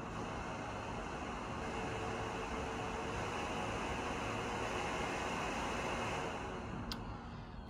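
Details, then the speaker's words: Breas Vivo 65 home ventilator pre-use test with valveless circuit and no patient connected: steady loud rushing airflow easing off while it checks circuit resistance and compliance and verifies no leak; test successful. "now it is checking the compliance and verifying that there is no leak through the circuit it's required to check the compliance and resistance so pre use testing successful"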